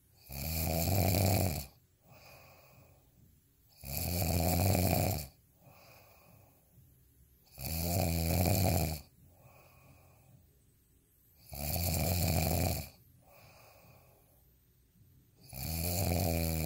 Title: snoring asmr sound 10